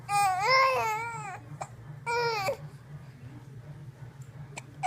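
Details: Infant at 17 weeks of age, filmed while having hiccups, gives two short, bright, wavering vocal bursts between fussy crying and babbling, with faint clicks after them; infant cry.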